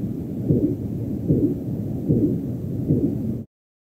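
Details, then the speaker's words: Korotkoff sounds during manual blood pressure cuff deflation to measure pulsus paradoxus: regular low thumps on every heartbeat, about 75 a minute, first heard with every beat at 90 mmHg, after intermittent sounds from about 110 mmHg. "I wait until I hear a Korotkoff sound with every heartbeat or every bounce of the needle."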